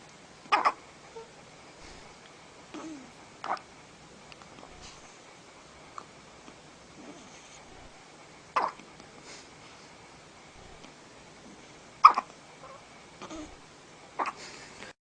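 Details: Hiccups: short, sharp, repeated hiccup sounds at irregular intervals, about seven in fifteen seconds, in a quiet room.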